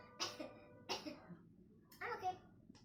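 Three short, high-pitched sneeze-like coughs in quick succession, mimicking a cat's sneeze in an acted skit with faint background music.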